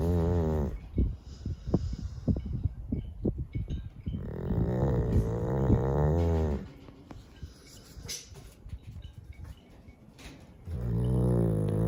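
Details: Deep, rumbling, fluttery snores alternating with softer breathing, loud and low-pitched; a sleeping Chow Chow dog snoring.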